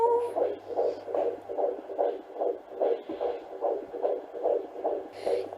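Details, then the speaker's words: Rapid, regular whooshing fetal heartbeat at 145 beats a minute, heard by the midwife at a 16-week pregnancy check, within the stated 120–160 normal range: normal fetal heartbeat. "So it was beating 145. It's between apparently 120 to 160."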